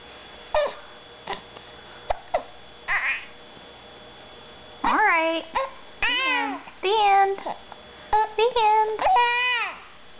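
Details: Infant angry about having hiccups: quiet small sounds, then short runs of fussy, falling-pitched crying; an upset infant cry.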